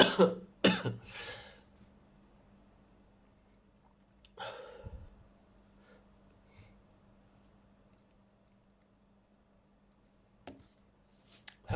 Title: sneezes 8-24-23